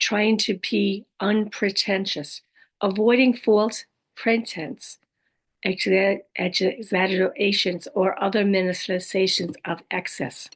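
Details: Adult woman living with aphasia, apraxia of speech and dysarthria after a stroke: aphasia with apraxia of speech and dysarthria.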